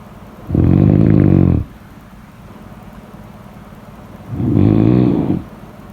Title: #snoring #snoringsleepingsoundeffect #snoringsounds #sleepsounds